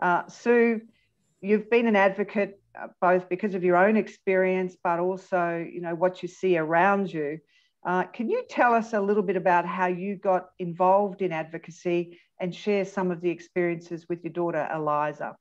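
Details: Adult woman; typical speech.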